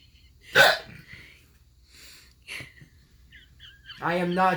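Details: Son with a sudden severe bout of hiccups while playing a video game, complaining he can't breathe: sharp, abrupt repeated hiccup bursts with short voiced sounds afterward.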